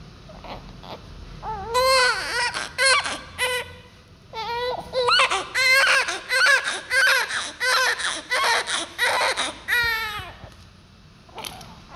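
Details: Low birth weight newborn born at 8 months of pregnancy: a thin, high-pitched cry in short bursts with pauses and whimpers, a weak, inactive, feeble cry.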